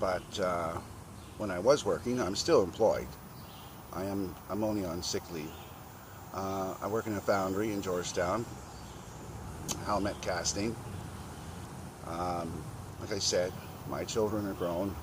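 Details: 52-year-old man with a very bad stutter present since childhood, also has chronic cluster migraine headaches and a son who stammers; stuttering.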